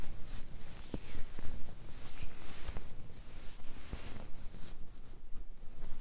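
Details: Low, irregular rumbling and gurgling from an adult's abdomen, bowel sounds (borborygmi) recorded while trying to capture hunger sounds; described as digestion sounds.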